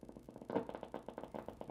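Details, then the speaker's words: Needle EMG: rapid, regular crisp popping over steady hiss during gentle contraction, normal motor unit potentials confirming needle placement in the muscle. "i feel the resistance i feel i hear the motor units so i'm in the muscle good"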